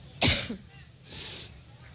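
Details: Adult woman coughing while speaking at a campaign rally in Cleveland, which she attributes to an allergic reaction: one harsh cough, then a long airy breath out, with faint room noise.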